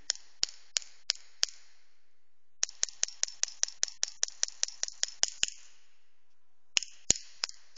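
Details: A pneumatic radial shockwave therapy device (LGT-2510B, pressure 1–5 bar) is demonstrated in special pulse mode M1–M5 for patients who cannot tolerate long shots. Sharp, crisp clicks come in short bursts with pauses, about one per second: radial shockwave applicator pulses.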